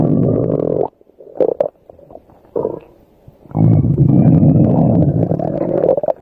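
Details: Loud, long, low gurgling stomach growls with a short quiet break, heard while the subject sleeps; stomach growling (borborygmi).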